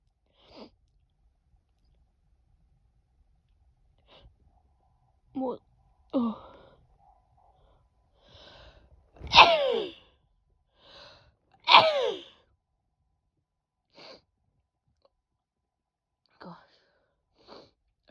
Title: Haven’t sneezed for a while! (F)